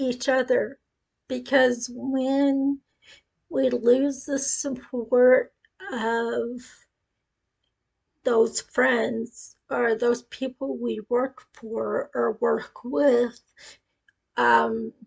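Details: Ataxic dysarthria in a woman with acquired cerebellar ataxia following a brain tumor at age 18; initially told non-progressive, now deteriorating, with speech affected.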